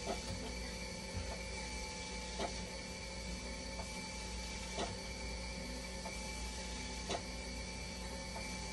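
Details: Running hemodialysis machine during conductivity cell calibration, with acid and bicarbonate connected and conductivity rising toward about 13.2: low steady mechanical hum with soft irregular clicks and pump pulses.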